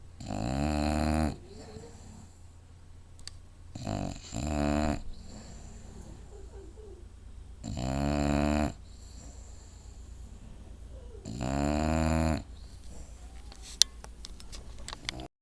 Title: My bulldog snoring loud